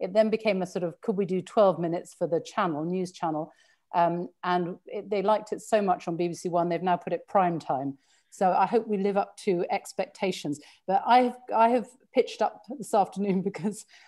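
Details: Adult woman; fluent speech.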